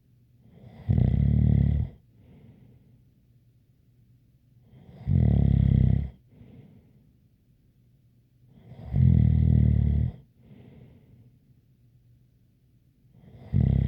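Loud, rumbling snores about 14 a minute, each carrying a light whistle, with quiet pauses between breaths.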